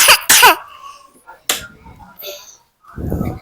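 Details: Child with a cough during play while cooking eggs: two quick harsh coughs at the start, then quiet room sounds and play noise.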